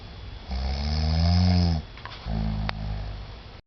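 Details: Adult man asleep with jet lag after a long trip: two loud, low, rattling snores on inspiration separated by a quiet pause; snoring.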